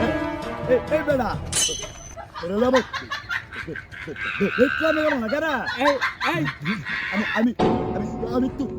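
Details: Acted stuttering in a comedy skit portraying two people who stutter, with word repetitions.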